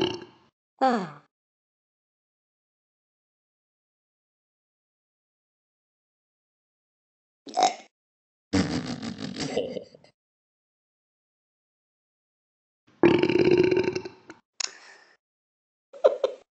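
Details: Simulated belching by animated newsreader characters in a Talking Tom & Ben News app: several deep, drawn-out burps separated by long silences, some rumbling for about a second.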